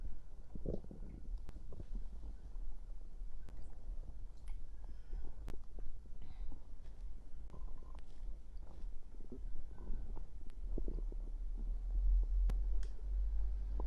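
Low gurgling and rumbling with scattered soft pops over steady low background noise; ordinary stomach growling from gas and fluid moving through the gut.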